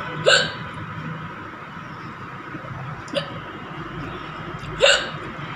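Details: Woman's hiccups during a meal of very spicy green chilli with rice and dal: three sudden, short gulping 'hic' sounds a few seconds apart over steady room noise.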